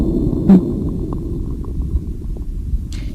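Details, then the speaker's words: Immunosuppressed patient on chronic high-dose corticosteroids for rheumatologic disease, with cough for 16 days and dyspnea for 5: brief faint popping over a low stethoscope rumble, anterior right chest; fine crackles. "na porção anterior à direita. Cheio de creptação fina."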